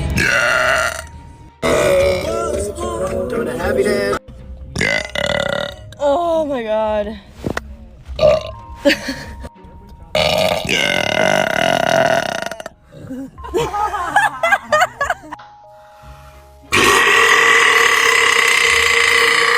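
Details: Girls burping in TikTok clips: a series of loud, drawn-out burps from several people, with music and short bits of speech in between.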